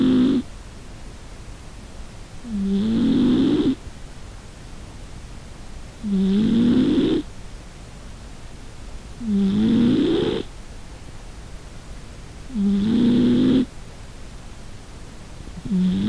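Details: Cat snoring measured with a noise meter, owner suspects obesity may be the cause: regular, loud, rattling snores about every three seconds, roughly 19 a minute.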